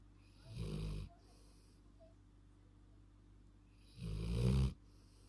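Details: Labrador in deep sleep snoring: two deep, low rumbling snores about three and a half seconds apart, with quiet breathing between; snoring.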